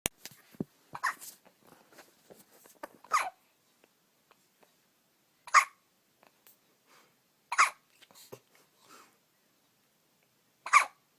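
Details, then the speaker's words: A 9-day-old puppy has hiccups: sharp, squeaky hiccups repeating every two to three seconds, with faint snuffles and whimpers in between. "why do you have the hiccups? Oh dear."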